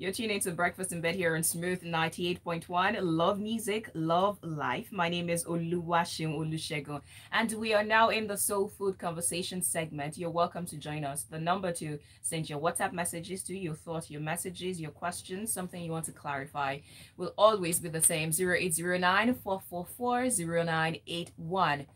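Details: Adult radio host; normal fluent speech.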